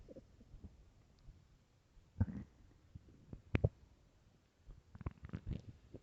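Scattered low gurgles and squelching rumbles with quiet gaps; ordinary stomach growling on an empty stomach.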